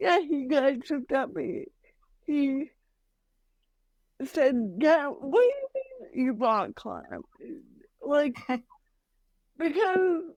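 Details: Adult woman with mild cerebral palsy that she says mainly affects her speech and motor skills, speaking in a podcast interview; dysarthria (cerebral palsy).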